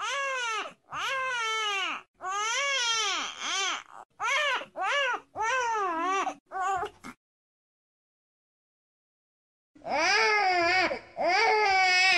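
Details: Newborn cry: repeated high, rising-and-falling cries in short bursts, then a pause and further wails.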